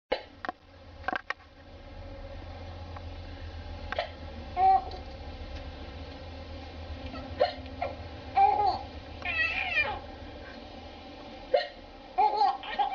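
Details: Adult (mother) hiccups several times, each a sudden short voiced gulp, with faint baby sounds nearby.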